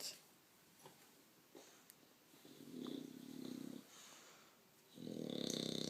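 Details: Bulldog snoring: soft, fluttering snores rising and falling with each breath in a quiet room.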